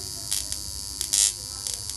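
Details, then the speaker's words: Ozone high-frequency facial machine with its power being turned up: a steady high-pitched electrical hiss and buzz, with brief louder crackling bursts as the electrode discharges, giving off purple light. "जैसे मैं इसकी power तेज कर रही हूं यह मैंने power तेज की आपको आवाज इसकी तेजी से आ रही"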